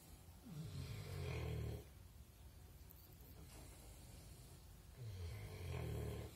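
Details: Sleeping pigs keep snoring while a rooster crows: deep, low grunting snores in two long breaths about four seconds apart, with farm background noise; pig snoring.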